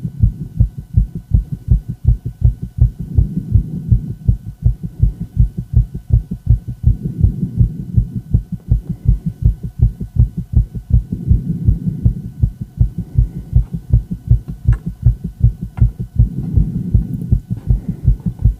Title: Female heart, fast heart, ecg, heart sound